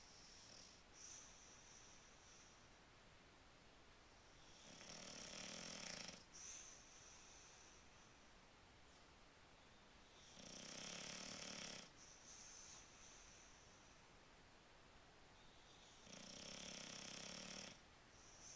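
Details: Rocco the bulldog snoring cozy in bed: three slow, rasping snores about every five to six seconds with quieter breaths between, flat-faced dog sleep snoring.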